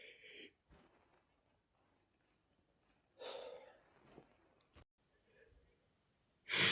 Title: male sneezing #47 (I accidentally breathed in dust that flew out from the bags in the shed)